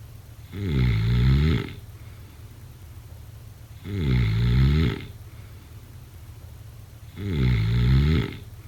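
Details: Snoring during sleep: regular, deep, buzzing snores on each in-breath, about 20 breaths a minute, over a steady low hum.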